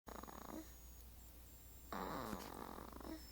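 Two soft, rough, rattling breaths with a steady low hum in the room; light snoring during sleep.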